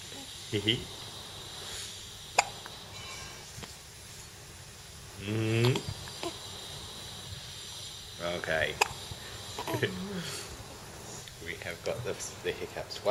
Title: Hiccups again